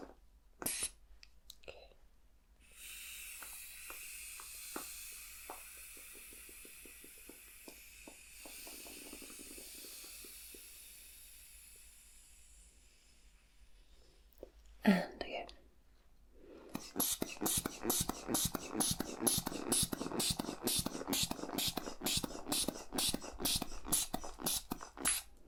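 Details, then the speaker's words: Roleplayed manual blood pressure check on the right arm with an old-fashioned cuff and stethoscope rather than an electronic machine: steady air hiss from the cuff releasing, then rapid repeated hand-bulb squeezes. "okay so going to quickly check your blood pressure right we're using the oldfashioned rather than the electronic machine just pop your right arm in there for me wonderful"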